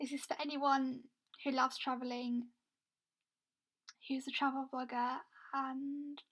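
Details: Woman with a stammer involving blocks where no air gets through and a long time to get words out; she is also blind; stammering (stuttering).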